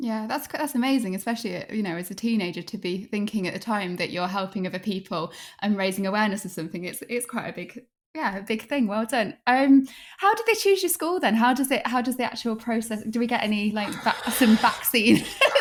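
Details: Adult woman speaking; typical fluent speech.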